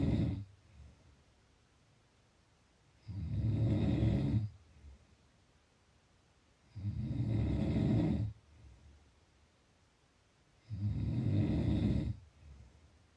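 Low rattling snores on each breath in, about 15 breaths a minute, with quiet breathing out between; ordinary snoring.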